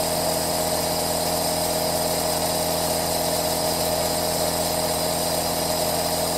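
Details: Compressor aerosol nebulizer running continuously: a steady, unbroken mechanical hum with a faint buzzing rattle.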